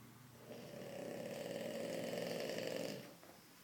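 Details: Snoring after a big move: a single rattling, fluttering snore lasting about two and a half seconds during inhalation in a quiet room.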